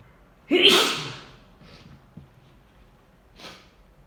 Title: Drunk and very strong sneezes